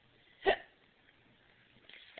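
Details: A single short, abrupt gulping catch of breath in a quiet room from a baby with the hiccups; hiccup.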